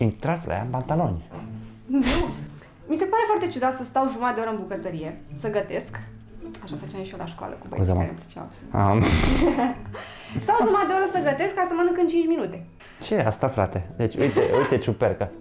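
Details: Adult woman speaking Romanian; normal speech.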